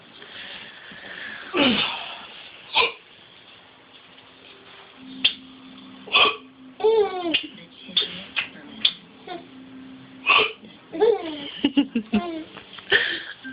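Sharp hiccup sounds mixed with giggling and playful vocal sounds; hiccups.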